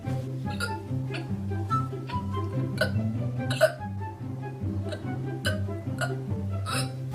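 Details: A girl with hiccups: repeated short, sharp catches of breath at irregular intervals over loud background music.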